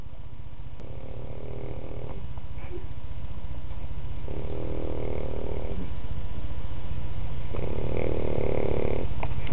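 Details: Three rumbling, vibrating snores, each about 1.5 seconds long, over a steady low hum; ordinary snoring.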